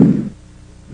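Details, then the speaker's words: Educational lung auscultation demo: soft, low-pitched vesicular breath sounds, heard during inspiration and the first third of expiration over most lung fields, fading quickly; normal vesicular breathing. "vesicular breath sounds are soft and low pitched they're normally heard during inspiration and the first third of expiration and can be heard throughout most of the lung fields"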